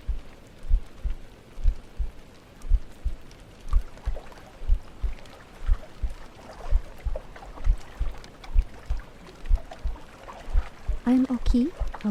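Soft, regular low thumps at about 63 a minute beneath gentle rain and water sounds; a steady heartbeat.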